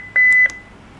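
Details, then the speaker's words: Steady high electronic tone about a third of a second with faint clicks, heard when Enter is pressed during the sound test of a Heart Start defibrillator self-test; defibrillator message alert tone. "ต่อไปเป็นการเทสเสียงค่ะอันนี้ก็จะเป็นเสียงของเราก็จะกด Enter เพื่อฟังเสียงของ Message Alert"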